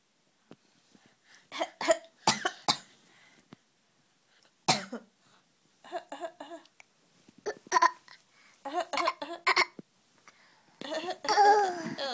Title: Fake cough